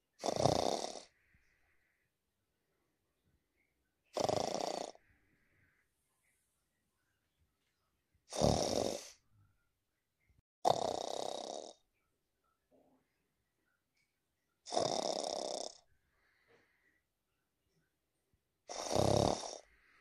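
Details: Lying down asleep with snoring audio added, implied not to be real snoring: six harsh, snorting, snore-like breaths separated by near silence, about 17 a minute.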